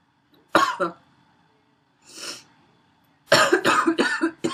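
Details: Harsh, barking cough bursts with noisy, effortful, wheezy breaths between them from a female.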